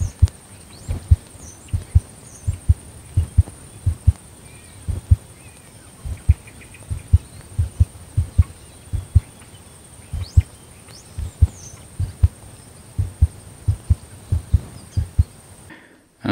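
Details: Heartbeat of a female Border Collie born November 2014, recorded close up: steady, regular low thumps with a faint steady high hiss behind; normal heart sounds.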